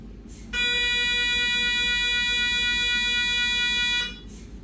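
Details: Siemens MAGNETOM Lumina 3 T MRI scanner running an abdomen sequence, likely echo-planar diffusion-weighted: a loud steady buzzing drone with quiet room hum before and after.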